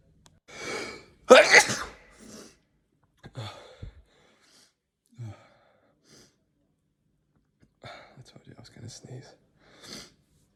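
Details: Several ordinary sneezes separated by pauses, one loud burst with a sharp inhale before it and softer ones after; compilation of sneezes recorded over days, months and years.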